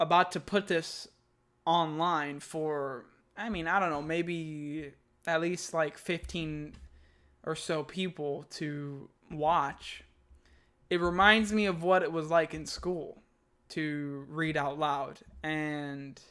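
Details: Adult man who stutters, speaking spontaneously; he says this recording shows a day when his overall speech isn't so good; stuttering.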